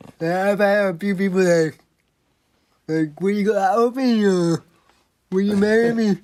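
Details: 24-year-old man with cerebral palsy, a motor disability affecting control of his body; dysarthric speech.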